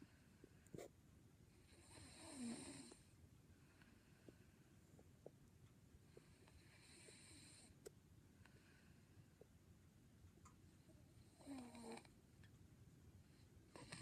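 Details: Younger sister snoring in sleep, unaware she snores: three rough, rattling snores on the in-breath, about 13 breaths a minute, over faint room noise; ordinary sleep snoring.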